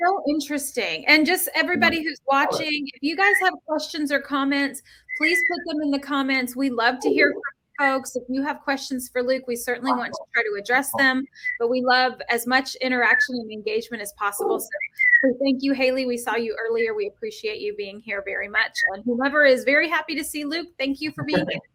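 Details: Adult woman; normal speech.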